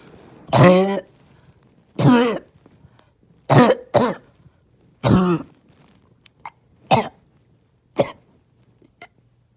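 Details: Harsh, hoarse single coughs repeated several times with pauses, then shorter weaker ones, from a person trying not to choke on a rough day; barking cough.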